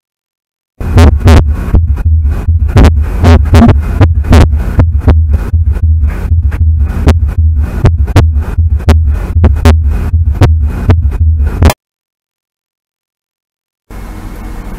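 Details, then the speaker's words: Physiological split second heart sound in a teaching clip: the aortic component separates from the pulmonary, linked to increased venous return on inspiration, so S2 is heard as two close parts. "سكند هاوس ساوند ويل سبليت انتو تو سيبريت ساوندز بانه الايرتك ينفصل عن البومينري ويعطيني هذا الصوت اللي هو السبلت اس 2"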